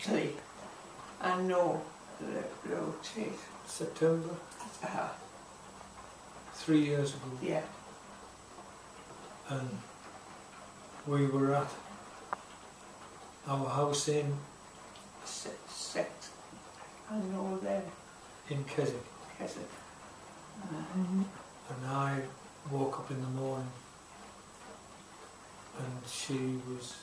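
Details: Woman with aphasia after a stroke about 3 years earlier, with difficulty getting words out and understanding; aphasia.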